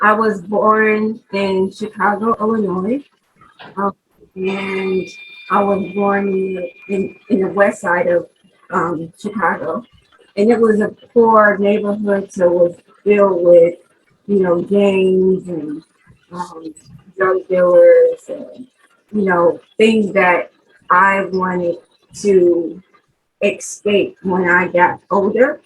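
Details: Aphasia in a 43-year-old woman after a stroke in 2020; she could not talk for 10 days in hospital and has worked with several speech therapists. Finding: aphasia.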